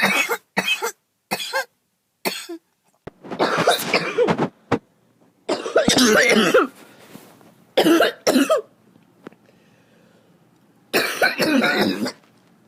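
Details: Chesty cough during a really bad cold that went to the chest: repeated harsh, rattly coughs in clusters, some drawn out, wet and rough, with mucus.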